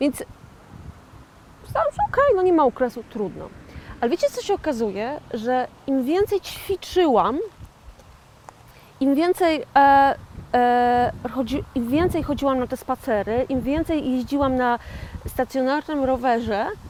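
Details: 41-year-old woman with aphasia after a stroke in 2009, self-described stroke survivor and aphasian; aphasia after stroke.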